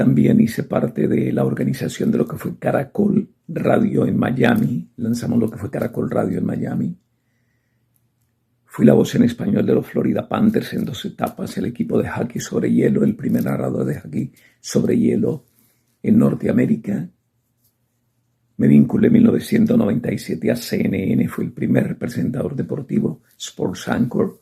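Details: Adult male sports broadcaster with spasmodic dysphonia diagnosed November 2018, treated with botox injections, the latest on 5 December 2025; he says his voice is at about 50%; spasmodic dysphonia.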